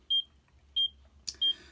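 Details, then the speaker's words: Check Me Pro portable ECG recording through external cables and electrode pads, 30-second recording, pulse rate shown: monitor pulse beeps; result regular ECG rhythm. "you can see it's checking for your ecg and it's also uh checking for your pulse rate on the bottom right side almost done"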